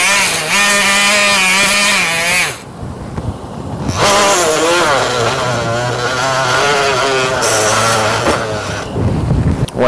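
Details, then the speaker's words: Total knee replacement, surgical bone saw making femoral chamfer cuts through a chamfer-only guide after the AP cuts: loud buzzing with a wavering pitch that drops under load and a brief pause. "So now that we've have finished my AP cuts, I'll take my pins out, take my femoral positioning device out, and I'll finish my chamfer cuts with the Toblerone bar, which is the chamfer-only guide."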